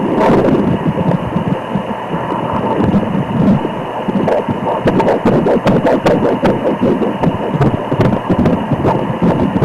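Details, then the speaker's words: Fetal heartbeat on Doppler, head-down baby gaining body fat, reportedly a girl: rapid whooshing pulses over noisy hiss, steady, rate 135 per minute, right where it should be. "is nice and steady hard raate it's going to be very fast still at this stage and we're getting a rate of 135"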